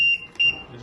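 Two short high-pitched electronic beeps from a transport ventilator after a mistaken button press during leak-test setup.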